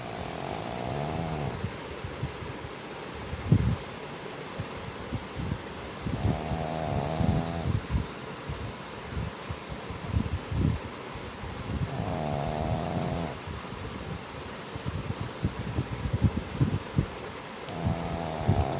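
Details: Pug dog snoring: loud rattling snores about every five seconds, roughly twelve breaths a minute, over steady background noise.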